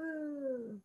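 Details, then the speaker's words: An adult's vocal imitation of an asthmatic wheeze during a talk on asthma symptoms: a brief, high, musical whine sliding slightly downward. Imitated wheeze, not a real patient. "Some of the symptoms of asthma: an asthma attack includes coughing, wheezing, and chest tightness. Now, usually you'll hear a kind of a, I don't know if you can hear me, you know, a little bit of a,"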